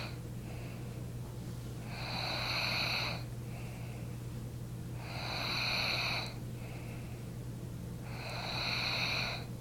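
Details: Snoring from a sleeping person: repeated whistling, rasping snores at about 19 breaths a minute, each followed by a fainter breath sound, over a steady low hum.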